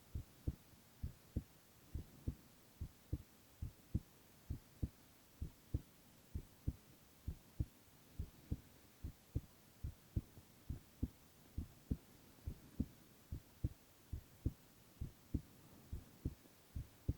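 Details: Silent ASMR recording of a young man's heart sounds only: steady soft lub-dub heartbeat at about 80 a minute with a faint hum behind; normal heart sounds.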